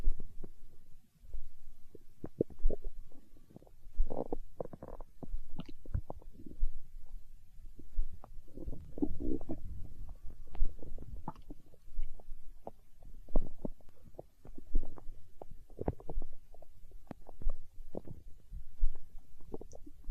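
Repeated low gurgling and rumbling bursts with squelching clicks, the ordinary stomach growling of hunger.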